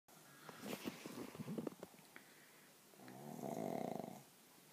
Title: snoring